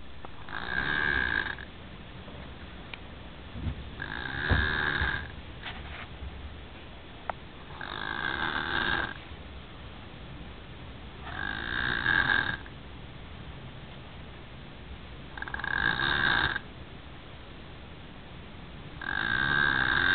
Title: MY SON SNORING..LOL